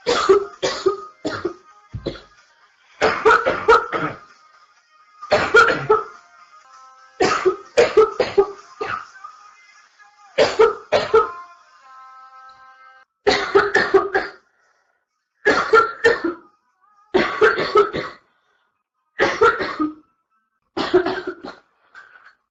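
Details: Adult woman coughing through a livestream in the early stages of what became a severe chest cold: repeated bouts of short, forceful coughs over soft background music.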